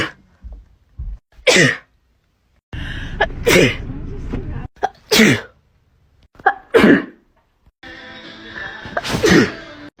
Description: Short sneezing compilation